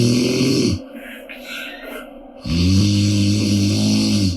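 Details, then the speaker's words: Mother asleep in an apartment, with loud, sustained droning snores on breathing in and quieter breaths out between them; heavy snoring. "이 소리는 경기도 김포 아파트에서 나는 스포츠카 자연의 콧소리입니다."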